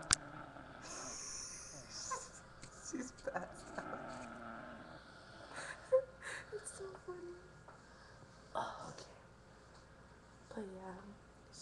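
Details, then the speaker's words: A young girl asleep on her sibling around 1 am snores loudly, with noisy, whistling breaths every few seconds against a quiet room. "like freaking snoring up a storm over here."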